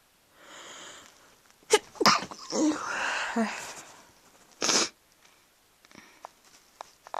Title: A few more sneezes